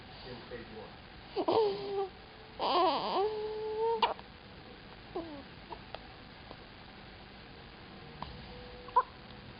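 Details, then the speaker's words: Hiccups in a baby girl: brief infant fussing, then a handful of small, irregular catching sounds over several seconds. "Poor baby's got a hiccup."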